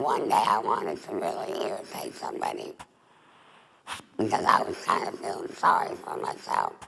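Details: Adult woman, former smoker, with alaryngeal speech after total laryngectomy (larynx and voice box removed) for laryngeal cancer, breathing through a neck stoma.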